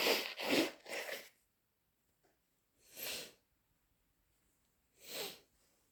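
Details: Induced or hay fever sneezing: three quick wet, sputtering sneezes in a row, then two more spaced bursts of forceful nasal blowing.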